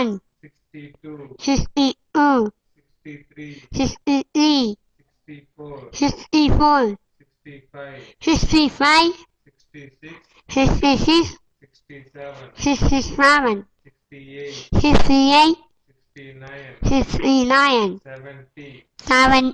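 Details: Child's rote speech with hypernasality due to velopharyngeal dysfunction.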